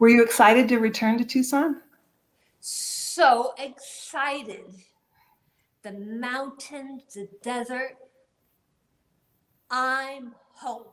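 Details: Adult woman reading a prepared statement, with aphasia after a gunshot wound to the head in 2011, about ten years on; producing words and sentences is hard while comprehension is spared; aphasia.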